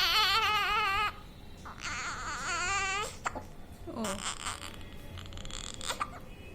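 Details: 3-day-old newborn who has hiccups, crying: high, wavering cries in short bursts with breaths between; an ordinary infant cry.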